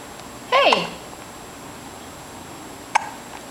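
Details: 3-month-old baby with hiccups: a brief coo, then a single sharp, clicking catch of breath; infant hiccup.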